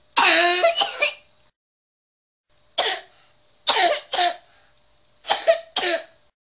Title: Child's Cough Bark-Like Sound - LISTEN!!!